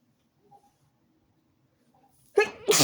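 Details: Near silence, then two loud sneezes in quick succession at the end: a short, sudden sneezing fit.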